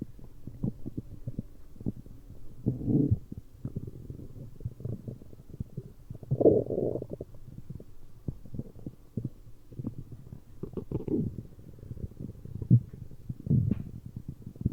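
Irregular low gurgles and rumbles with soft clicks over about fifteen seconds: stomach growling from gas and fluid moving through the gut.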